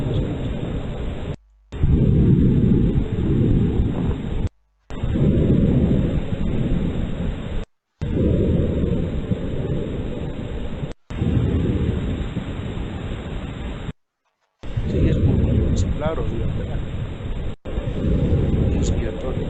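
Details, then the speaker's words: Lung auscultation teaching recording: normal vesicular breath sounds, as they should be heard, compared side to side. "pero si se dan cuenta esto que acabamos de escuchar es lo normal es así como debería contarse"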